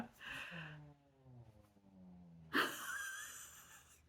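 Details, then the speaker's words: Sleeping cat snoring with a stuffy nose: whistling, nasal-toned snoring breaths followed by a sharp snorting burst. "you hear that sounds like he's got a stuffy nose"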